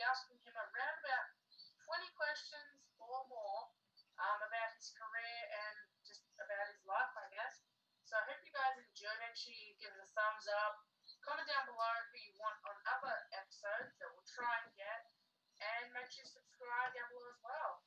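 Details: Adult female speaker; typical speech.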